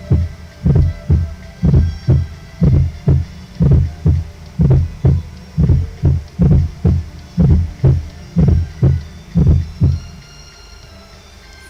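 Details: Fourth heart sound (S4).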